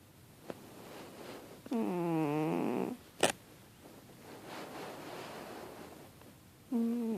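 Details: Sleeping cat with paws over his face: soft noisy breaths broken by high, squeaky whistling nose noises and a brief click, which the owner thinks came from paw position; snoring.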